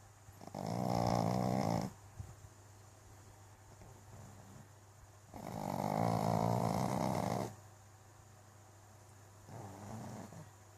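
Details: Sleeping pug snoring: loud rattling snores, three in about eleven seconds, with quiet pauses between them.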